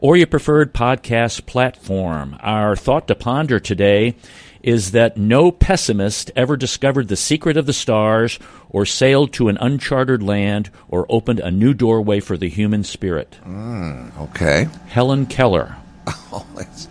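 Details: Adult male speaker; fluent speech.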